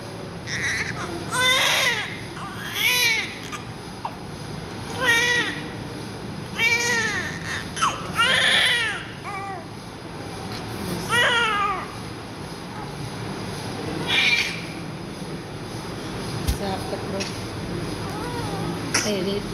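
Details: Newborn baby, just born after a 9-month-10-day pregnancy, very active, being cleaned: loud, strong crying in repeated bursts with breaths between, over room noise; vigorous newborn cry.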